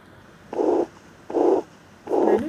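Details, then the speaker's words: Heart murmur, an abnormal added heart sound, possibly regurgitant (aortic or mitral): rhythmic whooshing bursts with each beat at about 75 per minute. "selanjutnya yang abnormal atau bunyi jantung tambahan adalah bunyi murmur juga"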